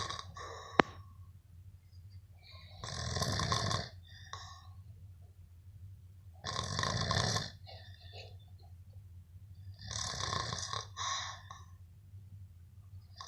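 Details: Adult snoring while asleep, filmed by a friend, possibly after heavy drinking; three slow, rasping inspiratory snores about every 3.5 seconds, roughly 17 a minute, quiet hiss between; snoring.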